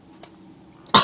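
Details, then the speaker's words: Cough from a person who says they are sick with an illness caught from family: a single short, sharp cough after near silence. "sorry if i'm coughing a lot in this video um my mom got me sick"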